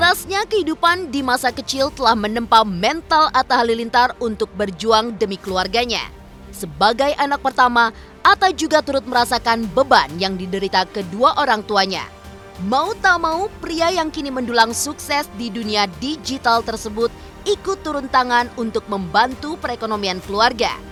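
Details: Adult female narrator; normal voice.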